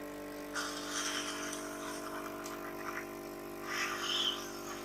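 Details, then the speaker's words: Suctioning a tracheostomy in a patient during a trach care demonstration, done because he is coughing: steady suction-machine motor hum with bursts of hissing, slurping airflow. "Okay, as you hear him coughing, I'm going to go ahead and suction him. Get the suctioner up."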